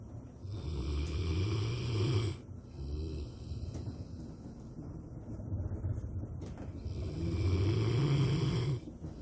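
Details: A Rottweiler in deep daytime sleep, said to snore louder than a human: loud, deep, rumbling snores with quieter breathing between. Ordinary snoring.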